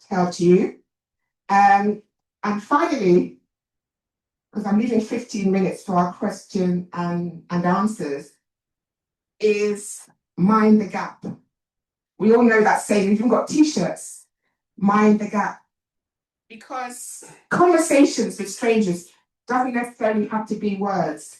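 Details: Adult woman, an actor and writer, who says she has a stammer and points it out while speaking; stuttering.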